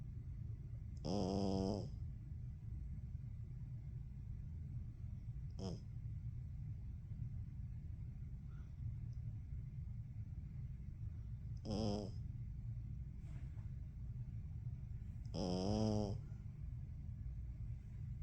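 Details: Snoring: repeated short, buzzing snores over a steady low background hum, about four snoring breaths in eighteen seconds.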